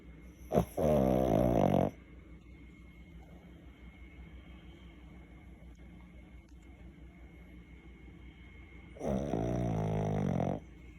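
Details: Dog Lulu cuddled up on owner's lap, sleeping and snoring: two loud, rumbling, vibrating breaths about eight seconds apart with steady room hum between.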